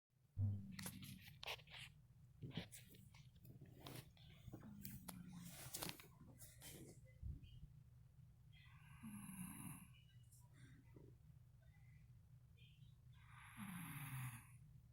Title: snoring pt.3